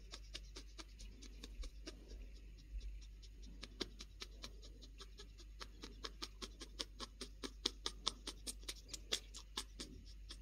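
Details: Pionus parrot (Quaffle), female, making her happy wheeze: quiet, raspy clicking and huffing, the normal contented wheeze vocalization of Pionus parrots.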